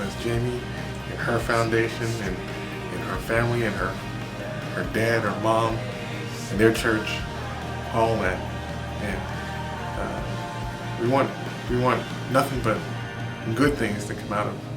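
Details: Adult male speaker; no disorder.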